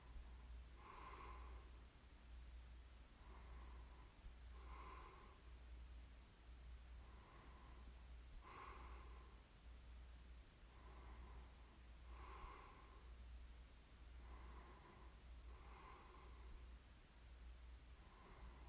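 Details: Soft, snorting breaths repeating roughly every two seconds over a steady low room hum; light snoring during sleep, recorded as a snoring ASMR sleep aid.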